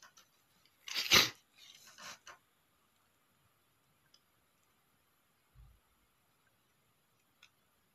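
One loud, explosive sneeze with a sharp hissing burst, followed by a softer trailing exhale and faint room noises.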